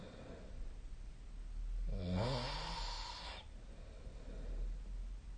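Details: Snoring during sleep, recorded with a snore-tracking phone app (SnoreLab).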